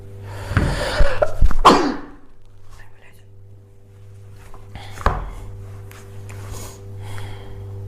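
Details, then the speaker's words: Female vlogger sneezing, a sharp burst of breath with brief vocal onset, then a second abrupt burst over steady room hum; sneeze. "Я сейчас чихну. Проклятие."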